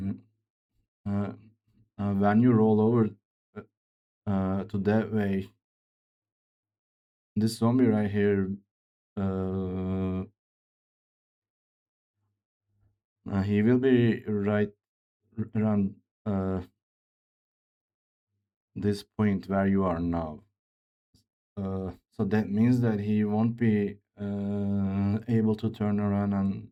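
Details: Man who reports his own speech disorder, type not named, and says it is much worse than Grace's; real speech, disfluent; disfluent speech (speech disorder).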